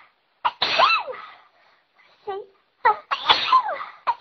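Several short, sharp sneeze-like bursts in quick succession, with brief quiet gaps between them; repeated sneezing.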